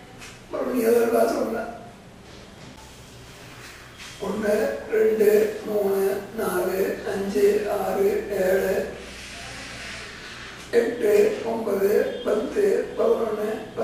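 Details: Tracheoesophageal speech after total laryngectomy in 1993, using a Blom-Singer voice prosthesis through a tracheoesophageal puncture, described as an excellent voice, speaking Tamil including counting and naming months and weekdays; tracheoesophageal speech.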